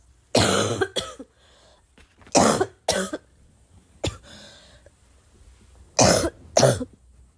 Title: I have a bad cough